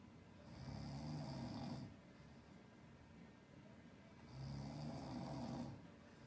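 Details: Two loud, rough snores on breathing in, about four seconds apart, with quiet breathing between, from a sleeping human owner whose Ragdoll cat is shown stopping the snoring.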